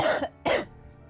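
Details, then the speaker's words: Adult woman with a cough, not phlegmy, gives two short, dry cough bursts without mucus rattle; dry cough. "I have a cough. I have a cough. You want to hear it? Yeah. There you go."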